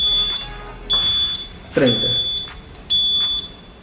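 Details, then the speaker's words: Repeated high-pitched beeps, about one per second, from a Zoll EMV+ mechanical ventilator: a peak pressure alarm set at 25 sounds after inspiratory resistance is raised, pushing peak pressure above the limit. "es bajo qué valores y aceptarnos en este caso yo le he dado el ámbito del bic por ende va a aumentar la fricción inspiratoria o la presión pico perdón y va a sonar la alarma porque tiene alarma los 25"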